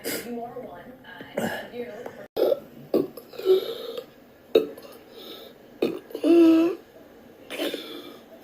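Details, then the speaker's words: Patient diagnosed with persistent intractable hiccups, ongoing since 2015, recorded 23 June 2019 during hours of severe choking spasms: repeated abrupt, gulping throat spasms with strained, choked voicing between them. "I've been having like mega joking spasms, some really bad ones in the last couple hours."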